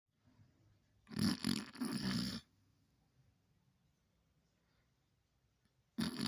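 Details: A sleeping dog on the owner's bed gives loud, snorting snores in bursts with quiet pauses between, waking the owner; ordinary snoring.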